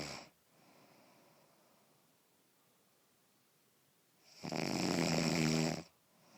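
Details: A sleeping cat snoring: a loud rattling snore on the in-breath after a long quiet pause.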